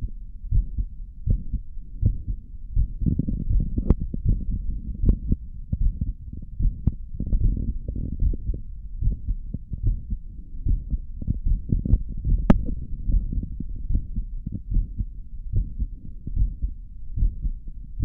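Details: Heartbeat after caffeine via stethoscope: muffled, steady beats about 76 a minute with low rumbling stethoscope noise.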